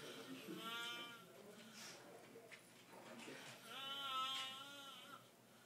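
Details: Two drawn-out, high, squeaky whistling sounds about three seconds apart with each breath, almost bleat-like, little low rumble: whistling snore loud enough to be heard across the house, mistaken for a bird.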